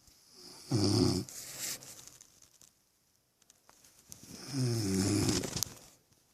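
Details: Girlfriend snoring: two loud, low, rattling breaths a few seconds apart, separated by quiet.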